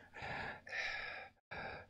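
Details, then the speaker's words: Imitated wheeze: an adult reproduces wheezing with forced, raspy, faintly whistling breaths to demonstrate the sound of difficult breathing, as heard in long-term smokers' lungs; simulated, not a real patient. "if you wheeze it means you're having trouble breathing so sometimes people who have smoked their whole life when they get older their lungs don't work very good"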